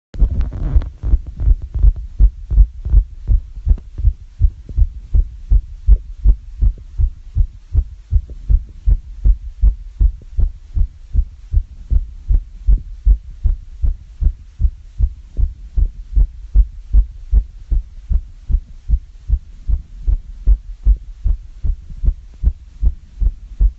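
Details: Fast heartbeat after exercise climbing up and down stairs: rapid, regular low thumping at roughly 155 beats a minute, a normal fast rate after exertion.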